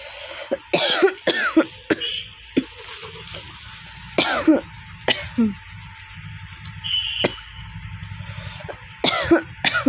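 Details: Self-recorded dry cough, which the cougher attributes to stomach heat or gas, with no cold or phlegm: repeated short, harsh coughs in clusters, about ten, with steady room hum.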